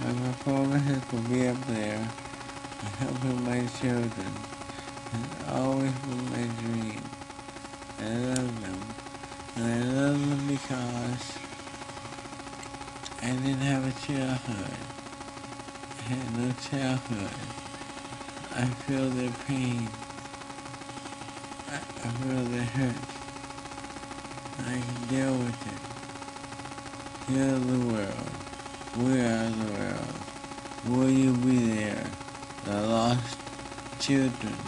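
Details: Adult man speaking under the influence of propofol, recorded on a phone on May 10, 2009, and played as trial evidence; real: slurred speech (drug-induced dysarthria).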